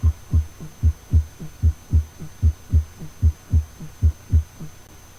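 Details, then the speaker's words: Normal S1 and S2 heart sounds heard with the stethoscope diaphragm pressed firmly at the aortic area, right second intercostal space near the sternum: steady paired lub-dub near 75 a minute. "you can hear S1 and S2 in the aortic area in the right second interpace close to the sternum"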